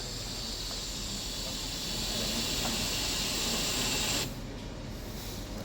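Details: Steady loud airflow hiss that cuts off abruptly, from a Puritan Bennett 980 ventilator running the circuit resistance check of its short self-test: ventilator airflow hiss.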